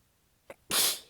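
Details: One hissing, partly held-back sneeze after a brief in-breath, during a massive sneezing fit; the person was exhausted with sore abs and biting the sneezes back, so they sound weak. Sneeze.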